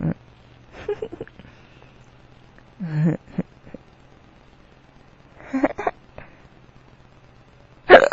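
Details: Drunk adult man with powerful hiccups that hurt his tummy: repeated sudden sharp hiccup sounds with a brief voiced catch, some louder than others, in a quiet room; hiccups.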